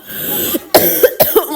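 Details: Adult who is a little sick coughing during a voice dub: a brief run of about three or four short, dry coughs after a moment of faint hiss.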